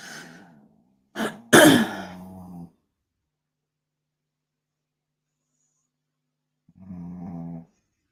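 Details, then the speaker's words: A sleeping 10-year-old dog makes low, buzzing, drawn-out breaths with a sharp snort between them and a long quiet gap before the next: snoring. "can you hear my dog snore"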